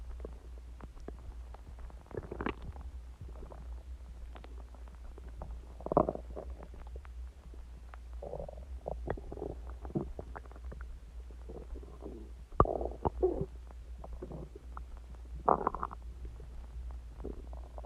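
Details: Self-recorded stomach growling about an hour after eating eggs and ice cream and drinking Coke: soft, irregular abdominal gurgles and rumbles over a low steady hum.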